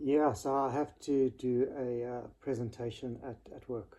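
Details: Stuttering in an adult who has stuttered since about age 6; it worsens in stressful situations.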